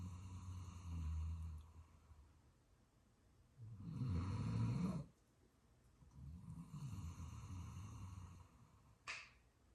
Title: Luca snores so much, do you think he snore more than you? #youtubeshorts #doberman #snoring #funny